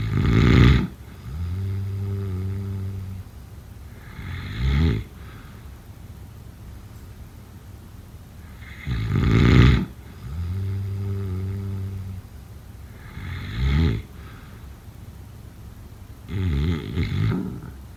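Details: Snoring during sleep, offered as a sleep sound effect: loud, rumbling snores on each breath in, with a snort and a fluttering breath out, about seven breaths a minute; heavy snoring.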